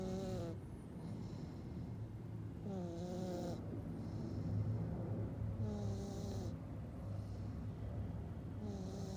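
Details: Sleeping cat snoring like a human, with a whistling nasal tone and soft hiss on each breath, about 20 breaths a minute, over a low steady background rumble.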